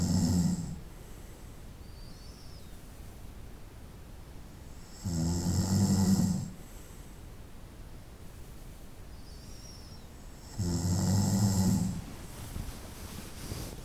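Slow, loud rattling snores on breathing in, about 11 a minute, with quiet gaps between.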